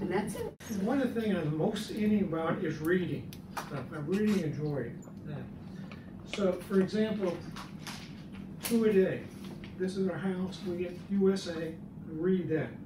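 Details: Adult man speaking years after a left-hemisphere stroke, in the chronic stage and improving with therapy; chronic nonfluent aphasia with apraxia of speech.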